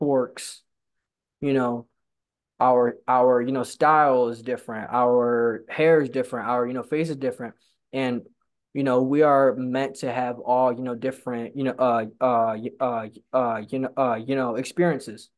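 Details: Real stuttering in a person who stutters and attends stuttering support-group meetings; stuttering.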